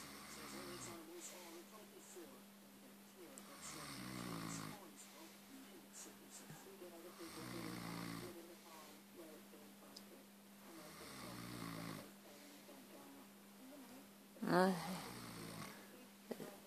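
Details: Rough snores on in-breaths, about every four seconds, over a steady hum, with a brief voiced sound near the end; someone is told to stop snoring.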